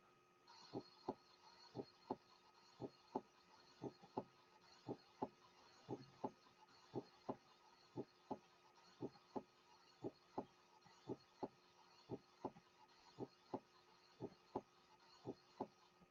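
Steady heartbeat near 57 a minute with crisp paired sounds and a faint steady hum; a normally split first heart sound.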